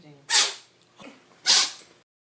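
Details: Cat, possibly with a cold, sneezing: two short, sharp, hissing sneezes about a second apart with a soft sniff between. Sneezing.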